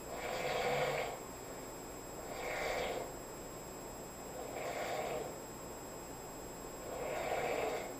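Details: Roommate asleep on a couch: four slow, rattling snores about every two seconds, each on an in-breath with quiet pauses between, in a small quiet room; snoring.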